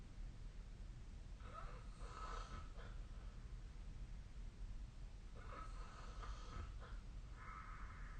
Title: 🐽 本日のイビキ / Snoring Sleep Sound 2025/03/13